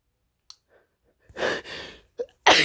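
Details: A person deliberately inducing exaggerated, acted sneezes out of boredom: quick inhaled build-up, then a sharp explosive burst, followed by "Phew. My nose."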